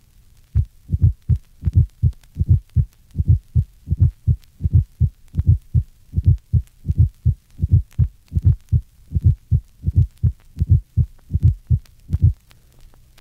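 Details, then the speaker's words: Atrial gallop (S4) in a patient, 1965 auscultation teaching recording: regular low heart thumps with a soft low-pitched extra sound just before the first heart sound, occurring during atrial contraction. "listen to an atrial gallop you will note the low pitched sound preceding the first heart sound"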